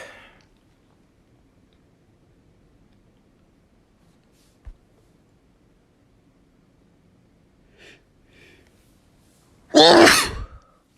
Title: Sneezing Like Crazy